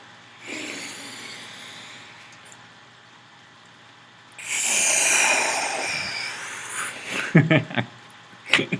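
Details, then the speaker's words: Teaching demonstration of vital capacity, a maximal inspiration: one long, deep, noisy breath drawn in to fill the lungs as fully as possible, then let out, described as the maximum air in one breath, about 4,500–5,500 mL. "what i just demonstrated is your vital capacity the maximum quantity of air that you can take in one breath"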